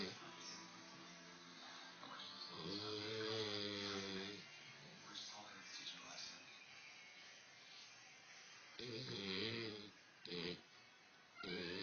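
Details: A sleeping dog, Hurley, gives long, tonal, buzzing snores recurring in bursts with quieter breathing between, over faint background TV or music; snoring.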